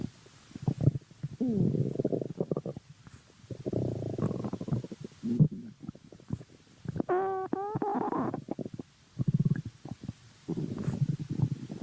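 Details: Stomach growling (borborygmi): low gurgling rumbles in bursts, with a brief higher squeaky gurgle midway.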